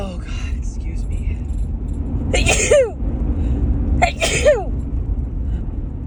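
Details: Woman still recovering from a cold sneezes while driving: two forceful, harsh sneezes a second or so apart, each a sharp burst trailing into a falling voiced tail, over steady car engine rumble.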